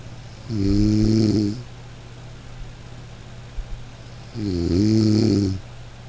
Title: Snoring white noise